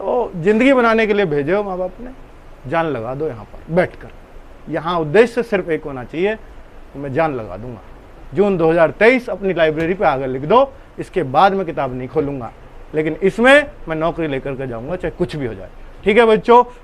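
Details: Adult man speaking Hindi; Normal speech.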